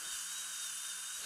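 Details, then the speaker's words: High-pitched airy whine of a dental handpiece with a low steady hum, trimming the labial surface of lower anterior teeth without shortening them, during Lumineers veneer placement in a young woman; dental handpiece drilling. "I'm going to take a little off these lower anterior teeth and I don't shorten them in length I take it off of the labial surface"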